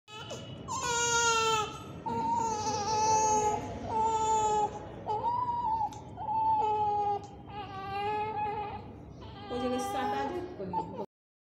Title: crying baby vedio #cryingbaby